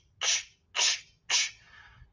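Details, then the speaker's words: Vocal imitation of an early-stage mitral valve disease murmur: three hissing systolic bursts that do not fill all of systole, unlike the later holosystolic murmur, heard best at the mitral focus, left fifth intercostal space. "Só que nas fases mais iniciais da doença, às vezes ele não é holossistólico. Às vezes ele é um sopro sistólico, mas ele não encobre."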